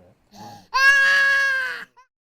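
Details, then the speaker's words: Infant with laryngomalacia (floppy, narrow voice box seen collapsing inward on scope) gives a short noisy rasping breath in, then a long high-pitched note; inspiratory stridor. "This is a floppy voice box, very narrow and you can't see the vocal cords. Here is another example. Look at how everything flops in, and note the stridor."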